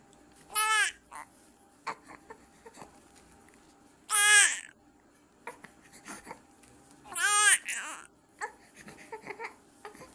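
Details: Newborn on day 2 of life crying during a bath while held on the bather's legs and her back is washed: three loud, high-pitched cries with quiet gaps and small fussing sounds in a small room. Ordinary crying.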